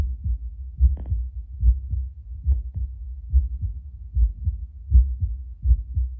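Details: Steady lub-dub heart sounds at about 75 beats a minute from an adult's own chest, played aloud via Bluetooth Littmann CORE stethoscope at baseline before espresso, with low rubbing noise; normal heart sounds.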